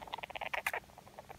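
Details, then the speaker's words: Rapid run of small squeaks and chirps from a pet mouse, the abnormal sound marking onset of respiratory infection; a cage-mate with the same sound had pneumonia needing vet and oral medication. "Oh. And so we were like, oh my gosh, that's a sound. So if you hear your mouse making this sound, get them to a vet."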